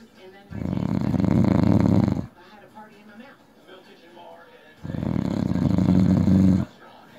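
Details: Loud snoring from a drunk, passed-out adult man (husband) in deep sleep: two long, loud, rattling snores about four seconds apart with quiet breathing between.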